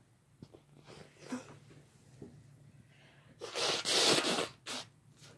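After soft sounds and quiet talk, a loud burst of sneezes, then one shorter sneeze, in a small room.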